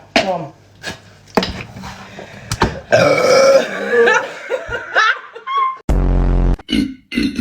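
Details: Deliberate loud burps in a Sprite-drinking challenge: loud, drawn-out belches with laughter and several voices in a small room.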